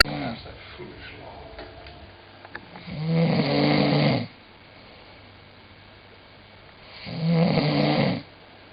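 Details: Very tired sleeper snoring: two loud rattling snores on breathing in, about four seconds apart, with quiet exhalations between; ordinary snoring.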